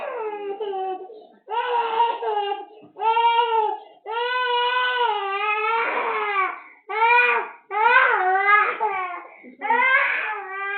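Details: Sustained, fussy crying in repeated wailing bursts with brief catch breaths from a cranky, unwell baby with cough, cold, mouth sores, teething and fever; infant crying.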